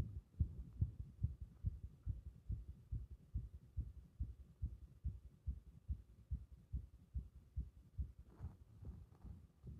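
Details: Heart with repeated arrhythmias triggered by compression: fast low thumping heartbeat, around 140 a minute, with uneven spacing and intensity between beats.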